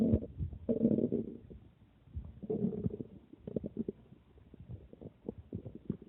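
Low gurgling rumbles and bubbling pops come in bursts with quiet gaps, typical stomach growling, ordinary bowel sounds after drinking water.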